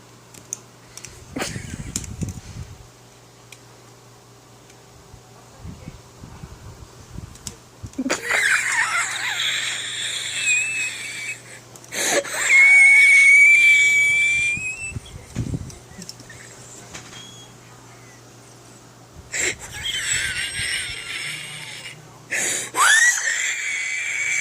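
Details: Wheezing in someone who says they have bad asthma: noisy, rasping breaths with a high whistling tone during one long breath, over a steady background hum.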